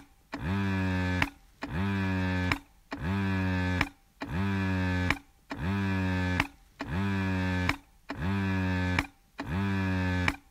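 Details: An electric breast pump running steadily, with repeating motor-whine cycles at about 47 a minute, each ending in a click.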